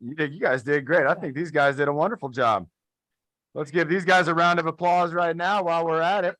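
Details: Adult man; typical speech.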